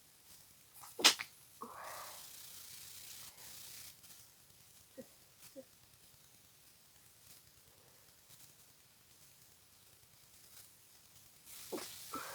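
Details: Person with a cold, stuffy and congested nose: a sharp, wet nasal sneeze followed by sniffles and quieter sneezes; congested sneezing.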